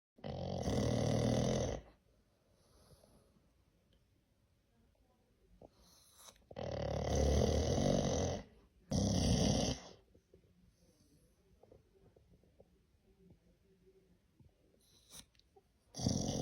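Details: Very loud snoring: rough, rattling snores in long bursts with quiet pauses between them.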